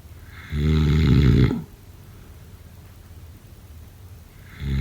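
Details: One loud, deep, rattling snore lasting about a second, then quiet breathing, with the next snore beginning at the end; snoring during sleep.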